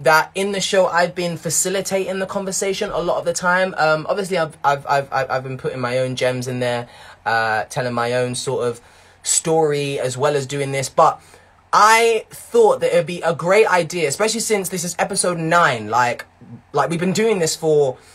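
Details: Young man who developed a stutter in his early teens; it worsened with blocks and strange noises and is now much better, though word repetitions remain. Mild stuttering.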